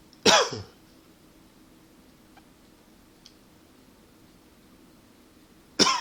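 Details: Two single dry coughs several seconds apart, no rattle or wheeze: a tickly dry cough, not a fit, attributed to allergies and partly to smoking.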